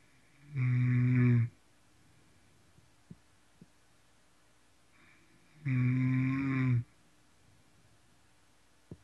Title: going hard (Snoring)